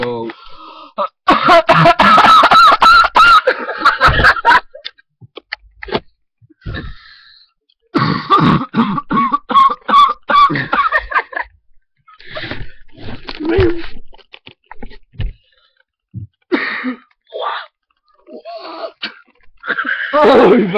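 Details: Adult with a really bad cough: harsh, repeated coughing fits with strained, squeaky voiced sounds between bursts.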